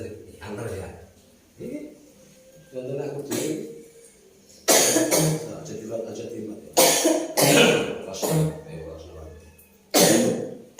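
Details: Woman with a long-lasting cough that kept her awake all night, coughing during a traditional massage. Her mother fears the cough will not heal. Several loud, harsh cough bursts mixed with speech in a small room. Persistent cough.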